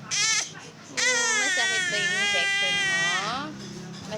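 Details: Baby at home after his 5-in-1 vaccine and RotaTeq, thought to be in pain from the injection: loud sustained infant wail after a short opening cry, clear and strong; ordinary crying after vaccination.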